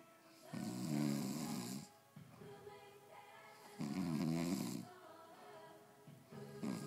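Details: Man snoring during sleep: two loud, buzzing, low snores on in-breaths, with television music and talk in the background.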